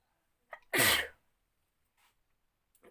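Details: Single loud explosive sneeze after a short in-breath, then quiet, during a sneezing challenge induced with a piece of pepper.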